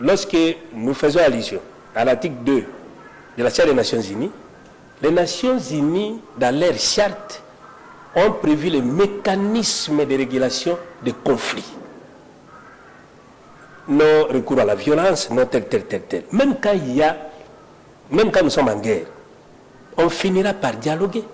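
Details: Adult man who says he stutters (self-identified stammerer), speaking French spontaneously with repeated syllables: stuttering.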